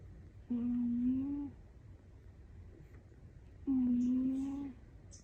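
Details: Two soft hummed 'puu' tones, each about a second long and roughly three seconds apart, from a sleeping fluffy cat heard overhead in a quiet room: a whistling cat snore.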